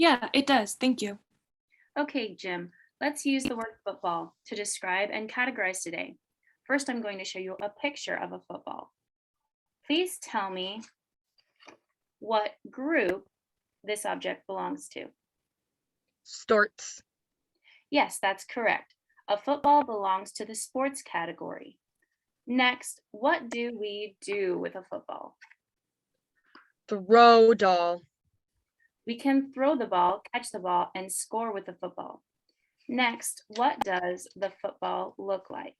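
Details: Adult woman speaking with brief replies from a second speaker; normal speech.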